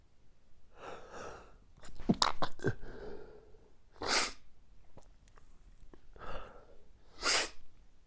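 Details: Morning allergic sneezing fit that recurs every morning and lasted five more minutes after recording stopped: several sneezes in a row, each with a sharp inward breath before it.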